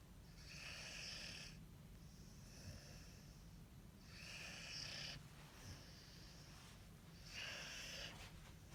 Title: Snoring Corso 💃 sleeping